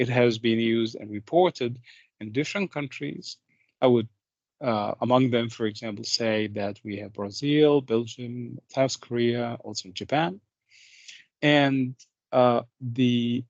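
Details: Adult male speaker, lecture; normal speech.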